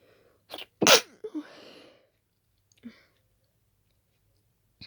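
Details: Strong, partly held-back sneeze after a brief intake, trailing breath, then a smaller sneeze, attributed to pollen and dust exposure; stifled sneezing.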